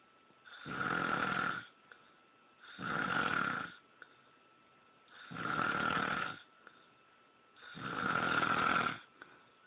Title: Snoring.3gp